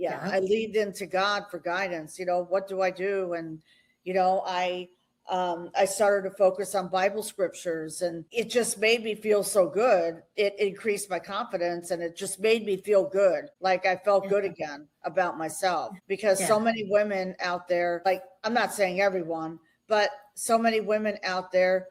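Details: Adult woman speaking; normal speech.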